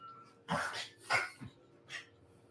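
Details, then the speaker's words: Female dog having a reverse sneeze ("backward sneeze") episode: rapid, harsh snorting inhalations and gasps in quick succession, sounding like mucus in her nose, ending on its own. "What do you do about a backward sneeze? [gasps and snorts] It's like I can hear the snot in her nose."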